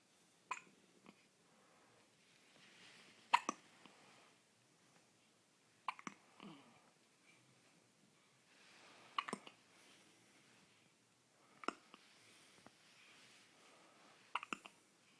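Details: Baby hiccups, baby not very hungry, later stopped only by nursing after burping, rubbing and patting failed: six sharp hiccup bursts at steady intervals, about 24 a minute, in a quiet room.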